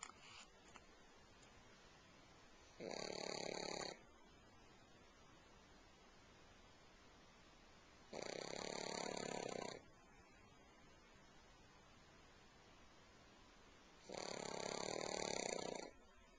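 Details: Pug snoring while asleep on a couch: steady, regular rasping snores on each inhalation, about one every six seconds, in a quiet room.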